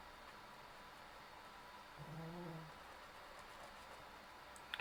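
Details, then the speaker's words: A dog snores in the background of a quiet room while someone colours. "Can you hear my dog first snoring? Daft dog."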